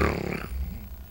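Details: A brief, rough, low snorting gasp fading out as breathing restarts after an apnea pause during sleep: gasping after sleep apnea.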